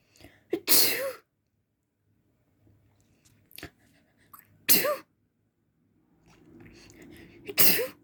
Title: Uncovered messy sneezes.